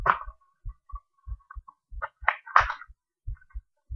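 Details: Self-recorded heartbeat through a cheap acoustic stethoscope: regular paired low lub-dub thumps at about 90 per minute, with faint scratchy contact noise; heart sounds.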